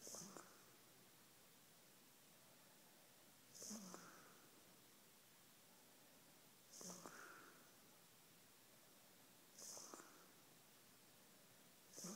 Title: Snoring bulldog